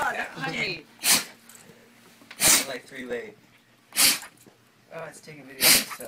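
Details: Dogs sneezing: four sharp, hissing sneeze bursts about every 1.5 seconds with soft snuffling between them; ordinary canine sneezing.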